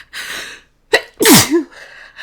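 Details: Single sneeze that broke through attempts to hold it back during a sneeze-denial recording by someone recovering from illness and more sensitive than usual; quick inhaled catch, then one loud burst sneeze with trailing voiced "ah".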